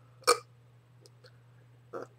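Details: Hiccups during a talking vlog: two abrupt voiced gulping hic sounds a little under two seconds apart.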